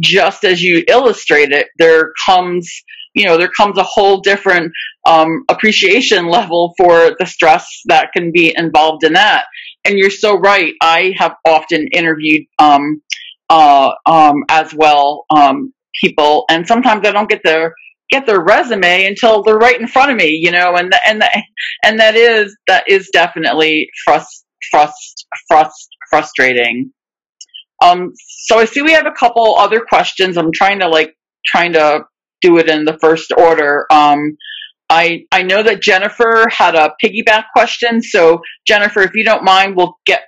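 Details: Adult who stutters, with audible word and sound repetitions. Stuttering.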